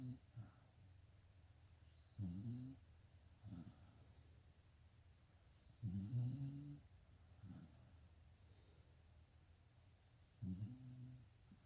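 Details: Sleeping dog gives low, rattling snores on each breath, about 15 breaths a minute, in a quiet room: ordinary snoring.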